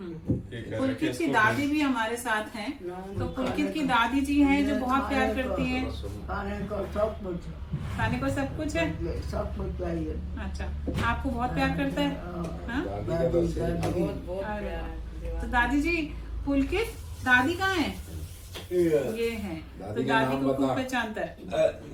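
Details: Adult woman speaking Hindi; normal speech.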